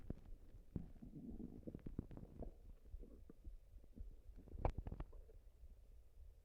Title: Stomach noises and and a burp at the end for you guys